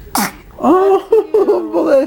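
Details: A newborn baby's first sneeze on his first night in the hospital.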